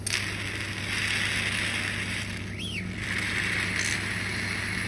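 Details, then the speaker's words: Steady motor hum with hissing airflow and brief gurgle as a Yuwell 7E-A portable phlegm suction machine is switched on and draws water through the suction cannula in a demonstration. "Now we are switching on the device. You can see the head start suctioning. You can adjust the flow"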